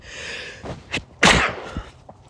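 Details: Adult male who is a little sick with a cold. Quick indrawn breaths are followed by a single sharp, explosive sneeze.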